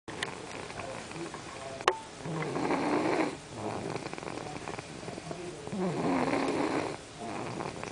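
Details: A sleeping girl snoring: rough, rattling snores on two breaths, with quieter breathing between them and some room noise; ordinary snoring.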